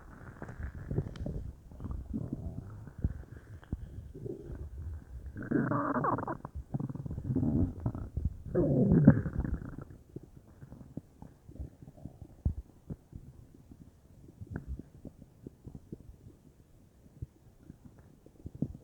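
Soft bubbling gurgles and low rumbles, loudest in the first half, then faint pops: ordinary bowel sounds from gas and fluid moving.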